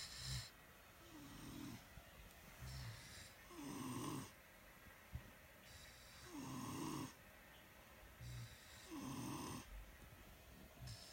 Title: November 17 snoring